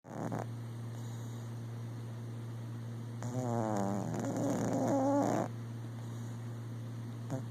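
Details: Sleeping cat snoring with her eye slightly open: soft rasping breaths over a steady low hum, one louder snoring breath; ordinary sleep snoring.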